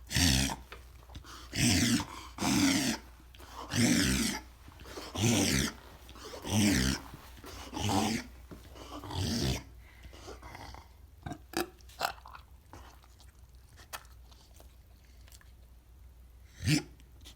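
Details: Reverse sneezing in a dog with Bordetella infection: a run of loud, rapid snorting inhalations, then quiet.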